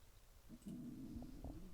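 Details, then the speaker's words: Early in the morning, an adult who habitually skips meals and hasn't eaten yet: a low, drawn-out gurgling growl with a couple of bubbling pops in a quiet room, ordinary stomach growling (borborygmi). "you didn't hear that that was my stomach growling I'm real bad about not eating I skipped meals all the time for some reason"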